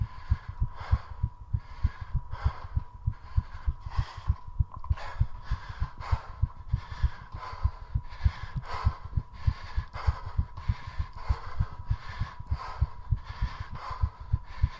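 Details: Heart rate rising to about 100 a minute during a 3.5-minute squat challenge: fast, regular heartbeat with heavy breathing over it.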